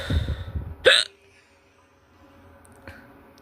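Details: A violent hiccup: one loud, abrupt, forceful hiccup with a fainter catch shortly after, against quiet room sound.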